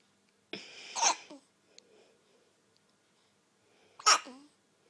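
Two sudden, sharp voiced gulps about three seconds apart, the jerky catch typical of hiccups.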